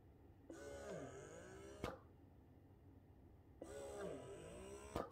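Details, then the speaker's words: Two cycles of soft motor hum with rising and falling whir, each ending in a click; Baby Express Be Free wearable electric breast pump running unattached to bottles or breast at its highest setting. "you can hear how loud is it right i compared to this one all right since now i just switched it on you can hear this constitute the highest"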